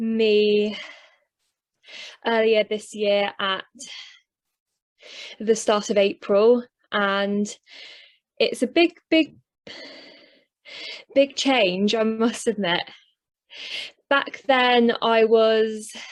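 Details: Man who stutters, recorded on the first day of his first stuttering therapy course before treatment; self-reported stammer; stuttering.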